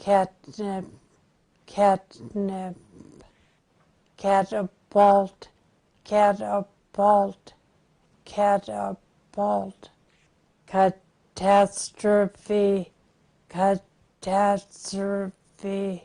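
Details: 80-year-old woman, 3.5 years after onset of difficulty getting words out, with language and writing largely preserved and focal premotor/supplementary motor hypometabolism on PET, repeating multisyllabic words with slow, distorted, segmented speech; primary progressive apraxia of speech.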